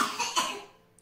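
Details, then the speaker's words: A boy coughing in the background of an indoor home recording; his mother says he is coming down with something: two quick, fairly dry cough bursts. "vous avez entendu souvent mon fils toussé pendant cette vidéo je m'en excuse il est en train de couver quelque chose"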